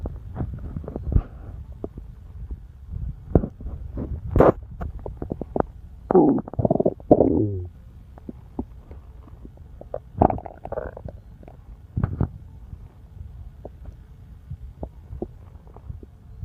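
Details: Ordinary stomach rumbling: gurgling, bubbling bowel sounds with a few longer rumbling squeaks (borborygmi).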